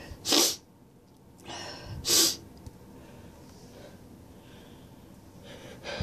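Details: Person with heavy nasal congestion: two forceful sneezes about two seconds apart, each after a sharp inward breath, followed by soft sniffling.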